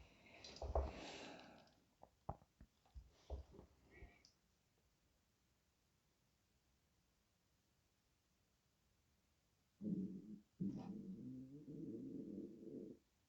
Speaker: That is my stomach growling, if you can hear that. It is getting dangerously close to dinner time, and I got a nice roast chicken dinner waiting for me.